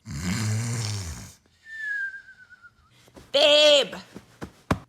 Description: This video is for anyone who has to deal with sleeping next to someone who snores.